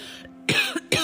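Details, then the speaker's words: An adult woman coughing into the microphone while recording a podcast episode: an unedited cough. "excuse me as I cough into the mic there's no pause on this recording so this is some raw [ __ ] you guys"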